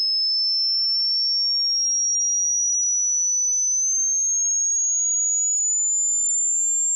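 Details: Hearing test frequency sweep: a pure, steady, whistle-like tone slowly rises in pitch to check the upper range of hearing. Listeners pause at the frequency where the sound disappears.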